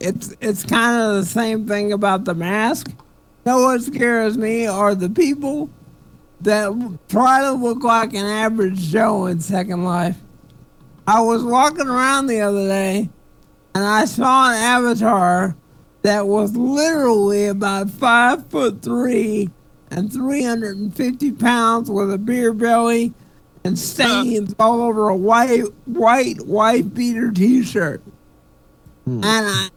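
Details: Adult male stand-up comedian who attributes his speech to cerebral palsy; dysarthria (cerebral palsy).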